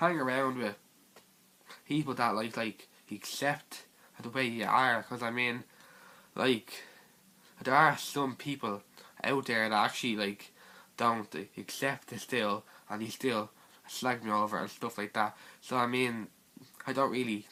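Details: Teenage boy with stuttering.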